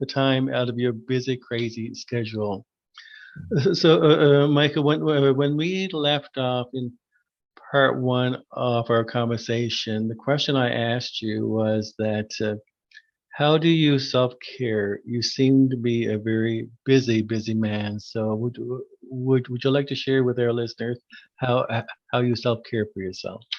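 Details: Adult man who stutters, formerly severe and covert with secondary characteristics: stuttering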